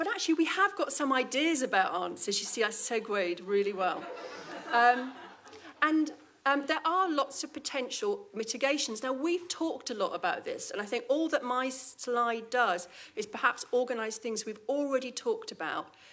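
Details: Adult woman; normal speech.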